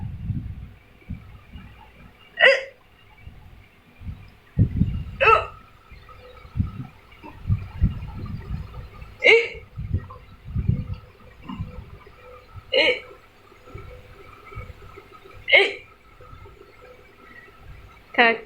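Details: A baby hiccuping while playing happily: six sharp, regular hiccups about every three seconds, with soft babbling and low handling noise between them; hiccups.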